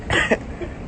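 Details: A man, who tells a fan his cough is not corona: one short cough burst followed by a softer second one, with faint room noise behind it.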